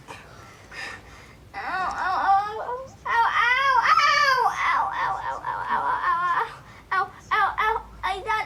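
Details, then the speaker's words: Ten-year-old boy with Crohn's disease cries out and wails in strained, rising bursts while receiving an injection at home; he says it sometimes really hurts. "Sometimes he screams when he has the injection."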